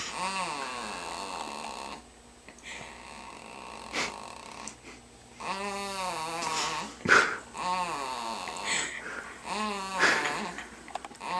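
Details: Dog snoring in sleep: whistling, groaning snores with slightly rising pitch every few seconds, with faint room noise.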